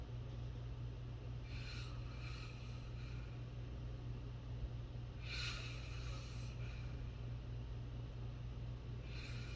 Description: This snore is the best sleep noise. listen to it for a perfectly restful nap.